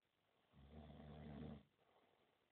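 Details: Friend sleeping, recorded with a mobile phone camera: a single deep, rough, rattling snore lasting about a second, then quiet breathing; snoring.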